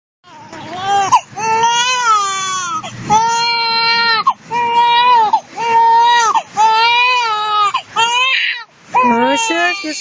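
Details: 2-month-old baby girl crying because her father is out of sight: loud, sustained rhythmic wails with brief breaths between; a young infant's strong, ordinary cry.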